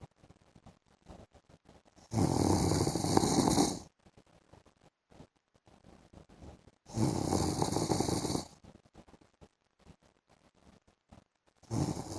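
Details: Loud, rough inhaled snores about every 5 seconds, roughly 12 a minute, separated by quieter breathing, from an adult man sleeping in the afternoon; ordinary snoring.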